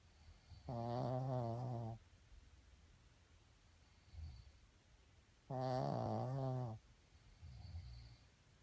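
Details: Snoring: two loud, buzzing rattles on the in-breath, each followed by a soft exhale, at about 12 breaths a minute.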